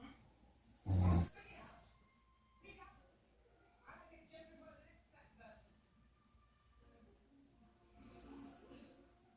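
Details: A loud snorting snore, then softer irregular snoring and snuffling over low room hum, from a Golden Retriever dog and his owner napping together.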